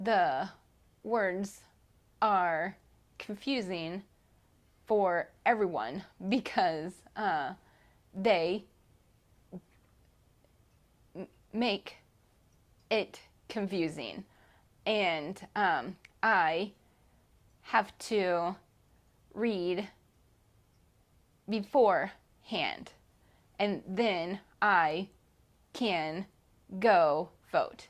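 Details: Adult woman with aphasia, an aphasia group member; aphasia.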